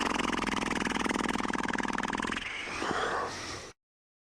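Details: Sleeping person snoring: a loud, rattling, fluttering snore lasting over two seconds, then a softer rushing breath.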